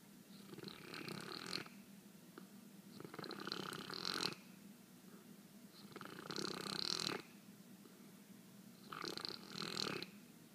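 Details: Gibson snoring while asleep and dreaming: four soft, wheezy, whistling snores over about ten seconds, roughly 22 a minute; snoring.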